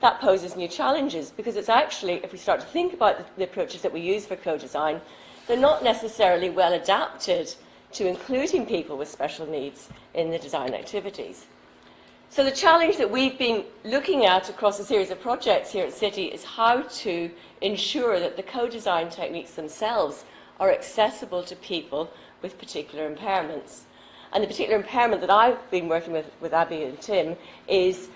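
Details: Adult woman speaking; normal speech.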